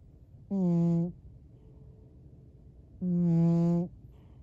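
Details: Elderly cat snoring in a human-like way while dreaming, face twitching: snoring.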